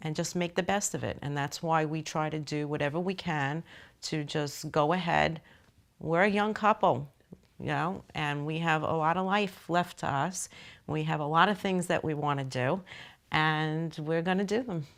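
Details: Adult speaker; Normal conversational speech.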